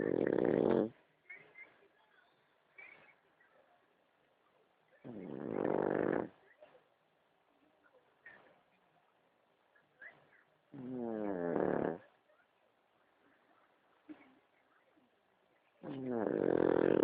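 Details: Pug snoring in sleep: loud rattling snores on each breath, four in about 17 seconds, with soft snuffles between.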